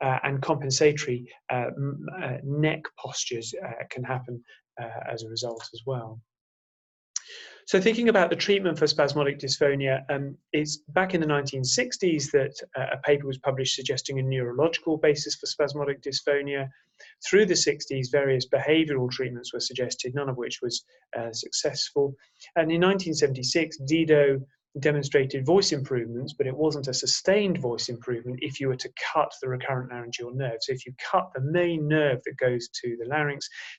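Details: Adult male lecturer; normal voice.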